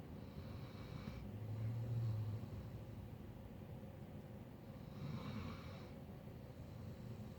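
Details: A sleeping Doberman sawing logs: two soft, low, rumbling snoring breaths about 3.5 seconds apart over steady room hum.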